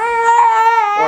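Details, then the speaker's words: Infant less than a month old in constant pain, crying after a nearly full 4-ounce feed, not from hunger; reflux or positional neck spasms suspected: a sustained, loud, high-pitched cry of discomfort. "right there was four ounces it was four ounces so you almost had a full feeding so this isn't hunger anymore this is my tummy hurts"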